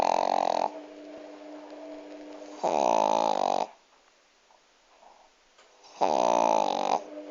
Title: Dog snoring so cute